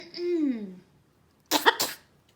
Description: Our blue and gold macaw Charley fake coughing wanting to wrestle and play rough .